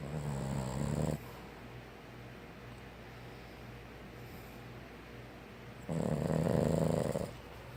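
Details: Sleeping Boston Terrier: two loud, rough, low rattling breaths about five seconds apart with a quiet low hum between: snoring.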